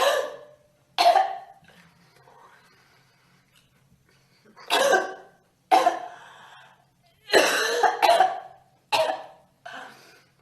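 About eight sharp coughs in single bursts and close pairs, separated by quiet pauses; repeated coughing.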